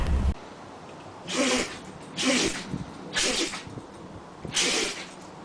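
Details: Four short, sharp, airy, snorting sneezes about a second apart from a dog, against quiet room hiss; dog sneezing.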